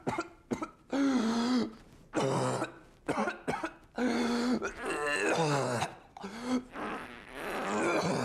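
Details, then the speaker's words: Simulated whooping cough (pertussis) demonstrated by an adult for a humorous cough guide: bursts of short staccato coughs, each run ending in a long, high-pitched drawn-in whoop; whooping cough imitation. "would you demonstrate hooping cough what or it's a staccato cough with a big hoop at the"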